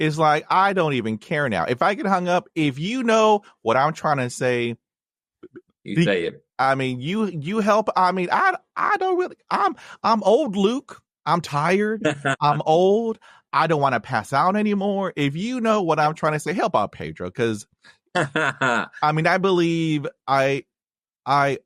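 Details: Man who has stuttered since childhood, with blocks and repetitions, speaking on a podcast; had speech therapy in 1975; long-standing avoidance of reading aloud and presentations; stuttering.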